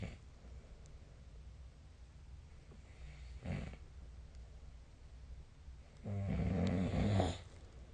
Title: 👃 本日のイビキ / Snoring Sleep Sound